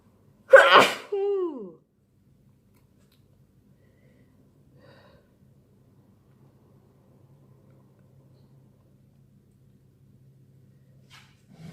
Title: Birthday sneezing